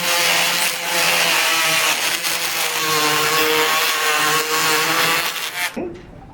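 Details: Powered oscillating saw making the anterior femoral resection during a patellofemoral joint replacement demonstrated on a sawbones model: loud, rough buzzing and grinding that stops abruptly.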